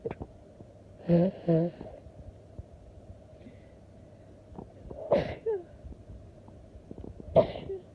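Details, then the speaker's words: Repeated soft allergy sneezes, about five, in a quiet room with faint sniffing and snorts between them: sneezing. "I sneezed like five times."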